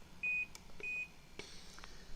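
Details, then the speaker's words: Two short, high electronic beeps from the control panel of an Inogen portable oxygen concentrator, the higher-flow model going up to setting six, as the minus button lowers the flow setting; a normal control-panel sound. "a nice control panel on the front and you can change the setting very simple by hitting the plus sign or the minus"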